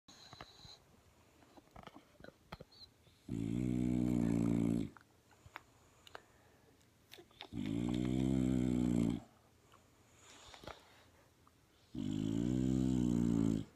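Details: French Bulldog Junior asleep and snoring, tired after a TV show: three slow, regular, low rattling rumbles about 1.5 seconds each, with quiet pauses between breaths.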